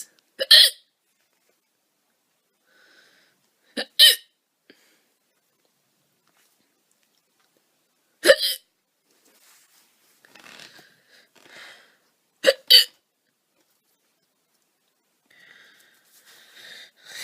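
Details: Girl with loud hiccups (singultus): loud, abrupt hiccups recurring every few seconds, some in quick pairs, with faint murmuring between.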